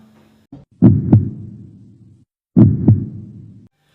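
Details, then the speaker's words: Two clear paired lub-dub heartbeats with a ringing tail, ordinary first and second heart sounds: normal heart. "queréis conocer cómo se escuchan el corazón así se escucha un corazón normal"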